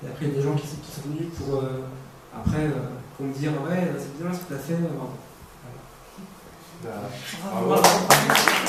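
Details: Stuttering in a 22-year-old man who has stuttered since about age 5.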